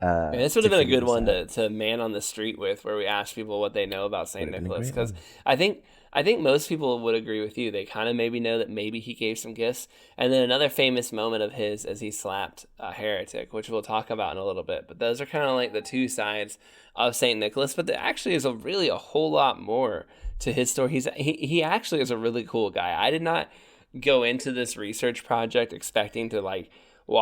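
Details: Adult man speaking; normal voice.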